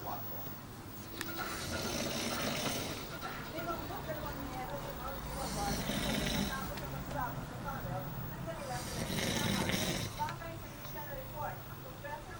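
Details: Loud, rasping snores repeating every few seconds over a steady background hum; snoring.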